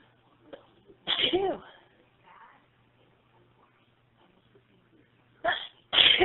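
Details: Sneezes deliberately induced with a plastic clothes tag: one voiced sneeze burst, a quiet pause, then two more sharp sneezes in quick succession; three sneezes.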